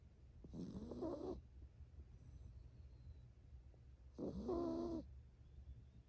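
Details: 7-year-old toy poodle, a rescue, napping on her owner's lap: two drawn-out, tonal snoring breaths, with faint birdsong outside and low room rumble; dog snoring.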